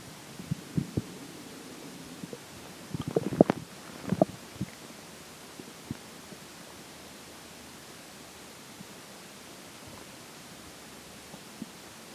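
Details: Stomach growling during digestion, as water and air begin taking major effect: brief bubbling gurgles over steady hiss, then quieter scattered pops; bowel sounds (borborygmi).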